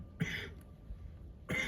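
Two short, dry cough bursts from an adult, separated by a quiet pause; the room is otherwise still.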